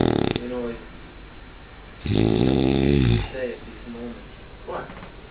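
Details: A deep, vibrating snore about a second long, with short snuffly breaths around it, in a small room; described as his party trick. Snoring.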